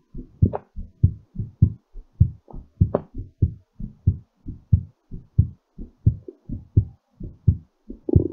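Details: Strong, regular low thumps in quick pairs at about 145 beats a minute, fast during recovery; normal heartbeat after exercise.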